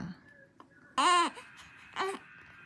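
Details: A newborn around day 21 of life, in a vlog about infant colic, gives two short, high-pitched cry bursts, like fussing on waking: infant crying.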